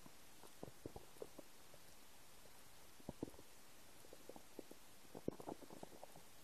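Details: The recording person's own empty stomach: soft bubbling gurgles and brief low rumbles in irregular clusters over a quiet background; ordinary stomach and bowel sounds (borborygmi).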